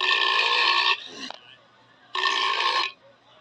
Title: Yeti burp compilation